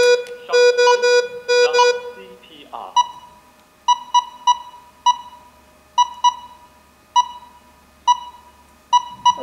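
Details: DM7000 defibrillator monitor in AED mode, simulated demonstration after charging to 150 J: a burst of rapid alert beeps, then irregular single beeps prompting CPR after a shock.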